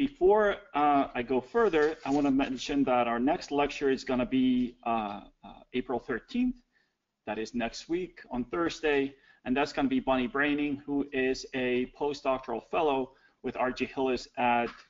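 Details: Adult man speaking to an audience; normal speech.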